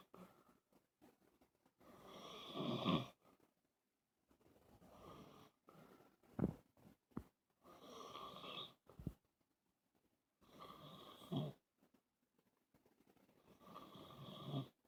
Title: Snoring man suffering from Sleep Apnea